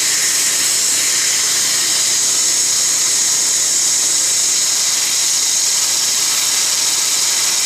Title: Laser Assisted Root Canal on Upper Bicuspid #12